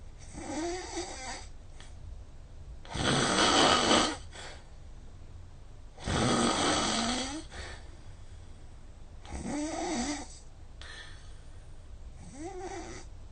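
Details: Snoring recorded overnight with a snoring-monitor phone app: about 6 hours' sleep, snoring ~4h40m (84%), snore score 145; loud harsh snores about every three seconds, ~20/min, quieter breathing between; loud heavy snoring.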